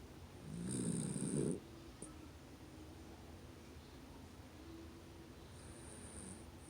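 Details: One loud, rattling, low fluttering snore of about a second, then quiet breathing with faint room noise: snoring.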